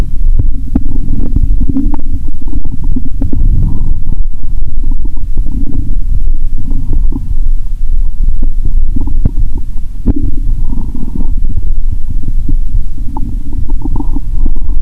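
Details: Borborygmi via stethoscope over the abdomen after drinking cola, belly described as bloated; continuous low gurgling and rumbling with scattered pops, active normal bowel sounds.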